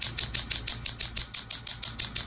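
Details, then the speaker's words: Rapid, regular sharp clicking pulses, about six per second, as the frequency is increased on low-level shockwave therapy to the side of the right ankle; chronic right ankle pain with an MRI-confirmed partial tear of a tendon. "we're just going to bump up the frequency a little bit as everyone can hear it now and we're almost done here"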